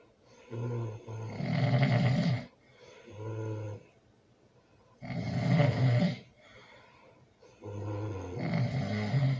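Loud, rattling snores with each breath, about 16 a minute, in a quiet room: snoring.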